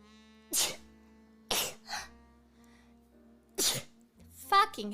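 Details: Several sharp, explosive sneeze bursts in quick succession, with brief vocal sounds between, over a faint steady hum.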